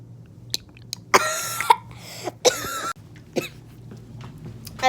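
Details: Cough heard while the speaker says they are still coughing, a brief cough during casual indoor talk.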